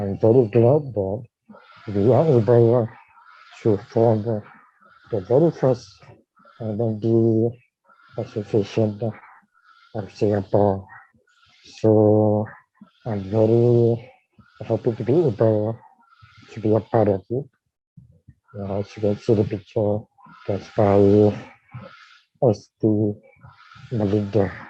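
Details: Dysarthria with tracheostomy leak speech in a man with ALS/motor neuron disease diagnosed in 2018, tracheostomised late the previous year and speaking around the tracheostomy while on a ventilator, needing suctioning between talking.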